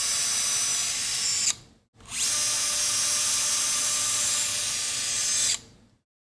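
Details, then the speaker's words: Two runs of a high-pitched whine, the second about four seconds long, from a surgical power drill placing pins to mark the femoral sizing guide (size nine) during total knee arthroplasty with mechanical alignment for knee osteoarthritis. "use pins or the drill to Mark placement of the sizing guide in correct"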